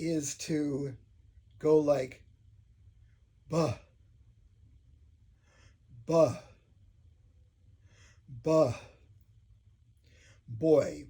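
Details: Adult man who stutters deliberately repeating an initial sound as a voluntary stuttering technique; voluntary stuttering (sound repetition).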